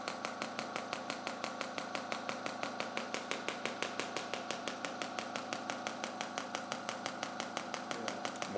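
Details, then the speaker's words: Radial shockwave therapy device firing at low setting over the adductor magnus/medial hamstring of an adult man with anterior hip pain (suspected hip capsule/adductor issue): steady rapid clicking pulses, about 176 a minute; patient reports tolerable but sore. "so we'll start nice and low right we don't want to get too much of this perfect how's that yeah tolerable tolerable but sore correct"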